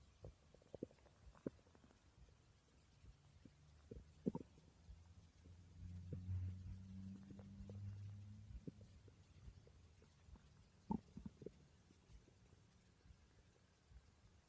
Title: My stomach growling while I slept, 600 subscriber special ❤️